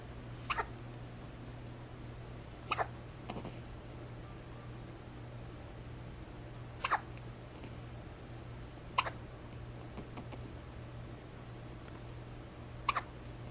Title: Early Hiccups.wmv